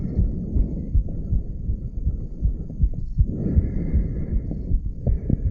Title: Heartbeat Recording of a 34 Year Old Male. Aortic Valve Area.